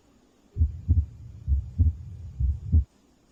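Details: Normal heart sounds heard at the aortic area, second right intercostal space at the sternal border: three clear lub-dub cycles, regular at about 67 per minute, with no added sounds.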